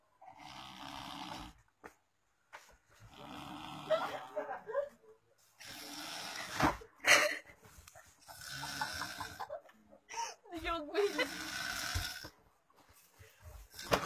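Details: Man passed out drunk: loud, rough, rattling breaths in irregular bursts with short silent gaps; heavy snoring.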